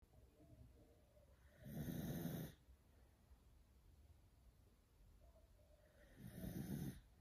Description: Harley the snoring Beagle